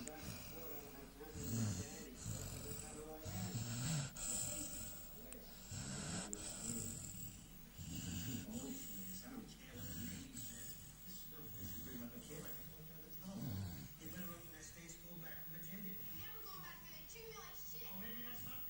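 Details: A 3-month-old American Staffordshire Terrier puppy snoring while asleep: rough, rattling snores about 27 times a minute, with some background noise.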